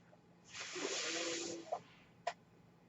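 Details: Mechanical ventilator breath cycle heard behind a podcast host who uses a ventilator while speaking: a one-second airy hiss of a delivered breath, then two sharp valve clicks over quiet room noise.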